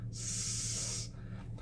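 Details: Adult male speech therapist demonstrating /s/ with the teeth closed as a model for a child; sustained /s/ sound, correct production.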